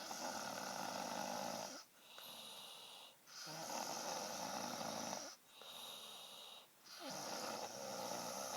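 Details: Girl snoring during sleep: loud rasping snores on each breath in and out, roughly five breaths over eight seconds.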